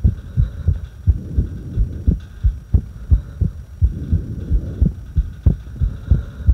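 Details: Irregular heartbeat during a breath hold: low thudding heartbeats around 90 a minute with uneven spacing between beats.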